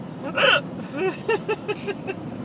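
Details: Hiccups during a trip, with laughter and pain: a sharp gasp followed by a run of short, repeated voiced catches.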